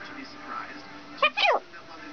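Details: Pet cat's sneezing fit: a quick pair of small, sharp sneezes against quiet room noise.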